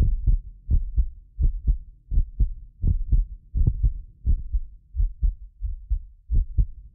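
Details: Heartbeat of a self-described medically fit person, recorded with several precision contact microphones for ASMR: steady low double-thump lub-dub at about 85 a minute; occasional extra click from a ~6 ms delay between microphones; normal heart sounds.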